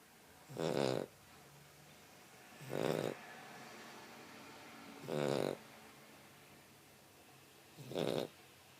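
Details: Snoring: four loud, rough snores about two to three seconds apart, about 25 a minute, with quiet breathing between them.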